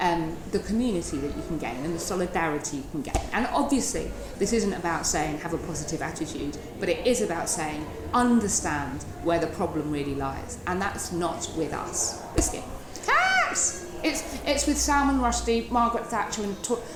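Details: Woman in her 30s with Tourette syndrome who uses a wheelchair; involuntary word tics and a repetitive chest-banging motor tic making a rhythmic thud; Tourette syndrome vocal tics.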